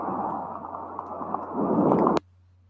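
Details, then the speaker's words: Fine crackles, the classic pneumonia finding, likened to rubbing hair together: breath noise with scattered brief fine crackling pops. "são a setores finos que é o que dizem que é comparam né com se você esfregar o cabelo no outro é o sessão gente vai fazer"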